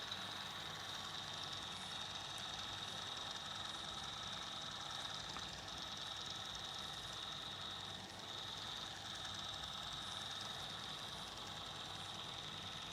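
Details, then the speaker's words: Intraoral digital scanner running while taking a digital scan of a new patient's teeth during a dental check-up: constant high-pitched whine with steady fan hum. "cool going take a digital scan of your teeth then Victoria is going to take you through and do a full OPG to have a look at your Jo joints and stuff as well"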